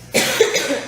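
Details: A girl gives a single sharp, harsh cough with an abrupt explosive onset and a breathy trailing release.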